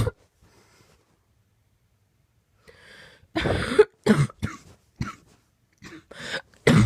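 After a quiet stretch and a breath in, a run of harsh coughs comes back to back in a quiet room: a persistent coughing fit.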